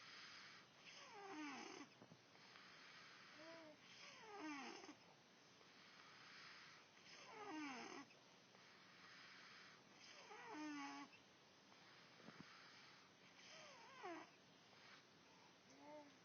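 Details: Rhythmic, rattling snoring sounds on each breath during sleep, about 19 breaths a minute: ordinary snoring.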